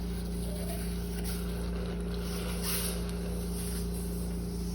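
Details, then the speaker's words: Cesarean section quantitative blood loss demonstration, Neptune suction drawing up remaining first liter of irrigation: steady low droning hum with a gurgling rush; surgical suction. "Not all of the irrigation is going to be used during every case, so we're just going to suck out the remainder of that irrigation, the first liter that was used to soak laps and to put into the irrigation canister."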